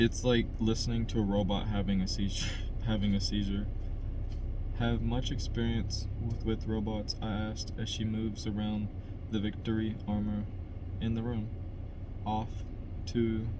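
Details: Adult man who stutters, by his own account a little, reading a novel chapter aloud as practice to help his stutter; word repetitions; stuttering.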